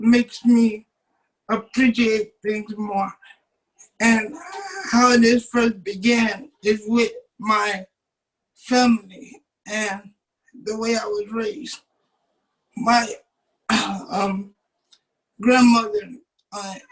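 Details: Dysarthric speech in a 27-year-old man with cerebral palsy from birth who uses a wheelchair; doctors told his family he would never be able to talk.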